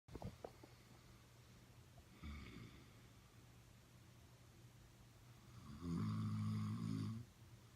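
Two low, rattling snores on the in-breath, the second loud and buzzy, with quiet breathing between them.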